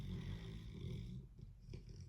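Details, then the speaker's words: Snoring heard in the background during a spoken monologue; the speaker jokes that her pet is bored and can be heard snoring. "And when you're one of those people, Poop is so bored by this subject, just so you know, you can hear it snoring."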